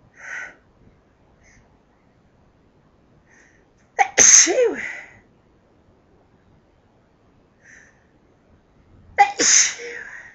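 Two loud, explosive sneezes, each preceded by a brief inward breath; ordinary sneezing.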